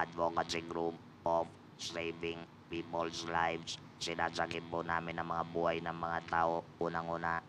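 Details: Man whose vocal cords were removed for laryngeal cancer caused by heavy smoking; he has no natural voice and speaks with an electrolarynx assistive device; electrolarynx speech.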